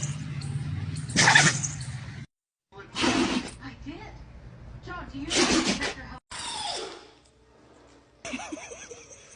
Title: Dog sneezing like it’s a comedy show #funnydogs #dogsneezes #cutepets #doglife #pethumor